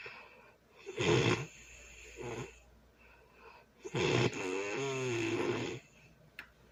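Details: Early Sunday morning heavy snoring during sleep: loud rattling snores on each breath in, buzzing fluttering tone, about 20 breaths a minute; background music.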